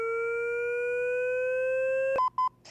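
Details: Steadily rising charging whine, then a repeating beep from a LIFEPAK 20 in AED mode after analysis advised a shock; charged and ready to shock, in a training demonstration.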